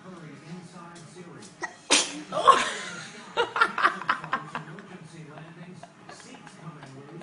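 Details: Infant trying a new apple and cherry fruit mixture sneezes a mouthful of food out: one sharp explosive sneeze, then a short burst of smaller sounds, over a television news broadcast; sneezing.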